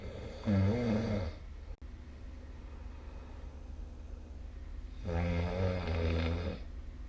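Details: Snoring recorded with the SnoreLab app during sleep; deep, loud rumbling snores on breathing in, with quiet pauses between, a low vibrating snore.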